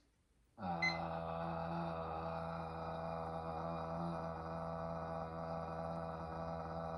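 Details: Adult male at a bedside swallow evaluation, seen for occasional acid reflux, holding 'ah' for 19 seconds (first trial), slightly below typical for his age; good breath support, mostly steady voice; sustained phonation (maximum phonation time task).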